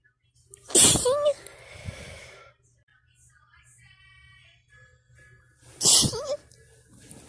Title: sneeze attack #sneeze #cold